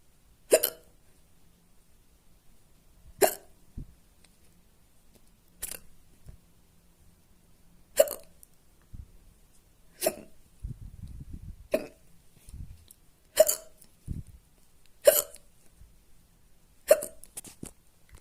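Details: Loud, fast hiccups after eating spicy food: sharp hiccups recurring every two to three seconds, about eight across the stretch, with quiet room sound between; hiccups.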